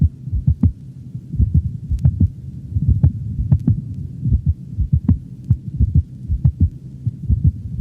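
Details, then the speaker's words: Canine heart sounds on auscultation: two normal beats followed by a premature ventricular contraction, breaking the rhythm; ventricular premature systole. "in the next recording two normal beats are followed by a premature ventricular contraction giving the impression of a loved up dubbed up rhythm"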